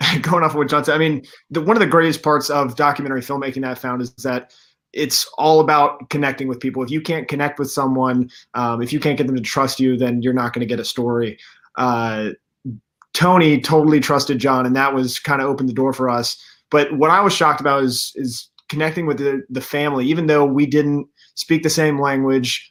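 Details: Adult male speaker; normal speech.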